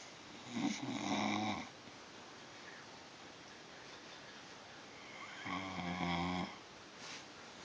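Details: Two rattling, vibrating snores about five seconds apart over faint room hiss; ordinary snoring.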